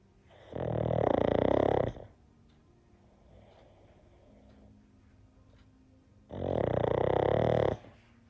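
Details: Sleeping pug snoring during a nap, tongue sticking out: two loud, rattling snores, each about a second and a half, with a quiet pause between breaths.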